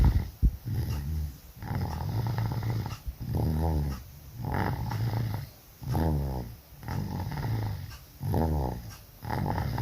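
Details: Sleeper snoring very loudly while sick with flu and cough: loud, rough, rattling breaths about 25 times a minute in a small room.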